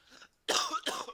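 Two loud, harsh cough bursts follow a faint rough throat sound, part of an ongoing coughing fit.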